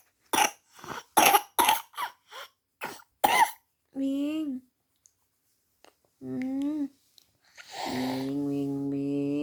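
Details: Baby boy: a rapid run of about eight short, harsh infant coughs followed by whimpering, fussy vocal sounds; a coughing fit.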